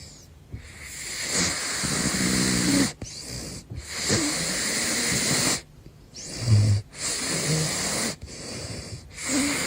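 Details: Big Floppa, a caracal, snoring: loud, regular rasping snores with hissing inhalations, about one breath every two to three seconds.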